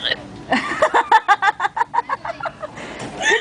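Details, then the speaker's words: Person with hiccups at a restaurant, bouncing with each one: a rapid run of short, voiced, jerky catches of breath, about a dozen in two seconds, mixed with giggling. "had the hiccups and when she has hiccups she goes and she bounces in the air like she just don't care"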